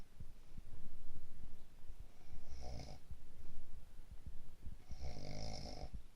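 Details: Woman with a cold snoring loudly: two rough, rattling snores on in-breaths about two and a half seconds apart, faint clicks in a quiet room.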